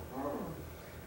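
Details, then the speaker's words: A brief harsh crowing sound imitated by an instructor teaching signs of airway obstruction in an unresponsive patient; crowing (stridor-like) breathing. "what's growling crawling sounds like a crow"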